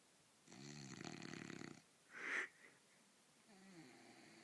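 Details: Pet sleeping in bed like a human, snoring: one long, buzzing, rattling snore on the in-breath, then a short snort and a softer breath, in a quiet room.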